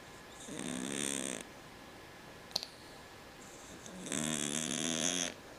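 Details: Two loud, rattling, wheezy snoring breaths with a gap between them from a sleeping cat that breathes noisily because of a condition he had as a newborn.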